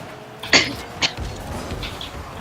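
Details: Two harsh coughs in quick succession from an adult who was sick, heard over faint Rocket League game sounds during gameplay; cough.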